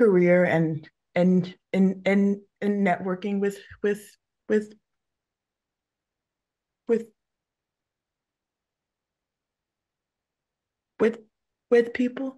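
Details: Adult woman who stutters, with repetitions of words and phrases audible; stuttering.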